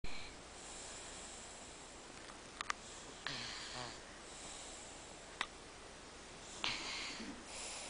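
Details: Male snoring during sleep, also twitching and laughing: soft, slow noisy breaths with faint snorting in a quiet room, broken by a few sharp clicks; light snoring.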